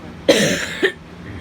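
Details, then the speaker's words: Two quick dry cough bursts from a child who says their throat feels tickly today, the first longer and the second brief, in a quiet room; cough. "sorry for the Cofe I just I thrat just feel tinkly today"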